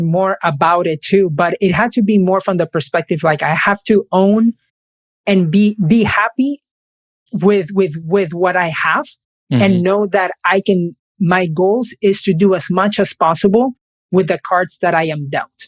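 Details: Adult man who has stuttered since age five; stuttering.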